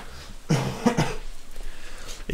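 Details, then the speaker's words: Brief cough from an adult during gaming video commentary, announced beforehand. "Wisst ihr was? Ich muss mal ganz kurz husten. Einen Moment, bitte, Leute."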